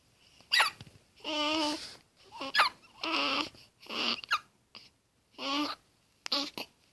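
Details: Young child's hiccups likened to a squeaky toy: repeated brief voiced catches with short squeaky vocal sounds between them.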